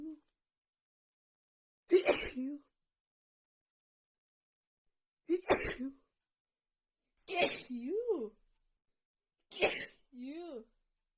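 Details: Female sneezing fit just after visiting a friend's home with cats: four forceful sneezes in quick succession, some with a brief vocal trailing sound, let out after holding back.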